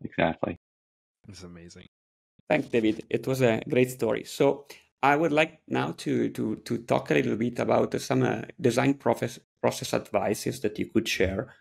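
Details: Adult man speaking; ordinary speech.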